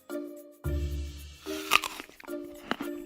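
A single abrupt sneeze burst stands out over steady background music.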